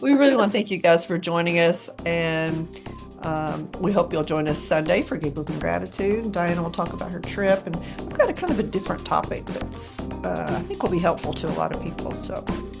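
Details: Adult speaker; normal voice.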